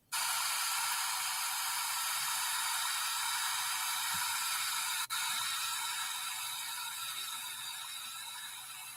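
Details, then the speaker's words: Steady loud airy hiss with faint gurgling: dental suction removing rinse water sprayed on the teeth, with a lip guard in place, while placing orthodontic braces. "let's rinse off the teeth can you spray them with water I run the suction to remove the water"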